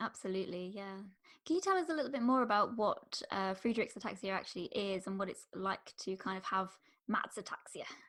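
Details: Adult speaker; typical speech.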